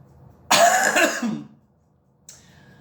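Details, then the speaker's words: An adult gives a cough while chatting casually in a studio after drinking. "There's the cough. I might I didn't say it in this recording, but I might still cough."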